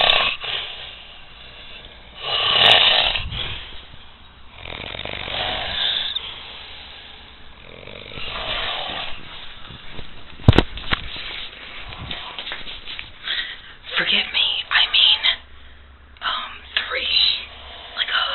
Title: epic snoring